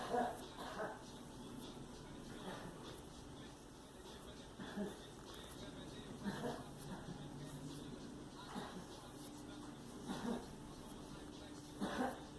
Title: Girl coughing in the background